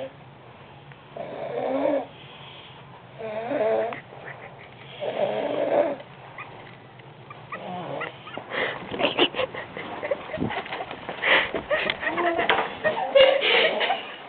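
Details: Adult woman heard sleeping at 1 a.m. through a wall before a competition: three slow rasping snores, then louder choppy noise, possibly laughter or movement; snoring.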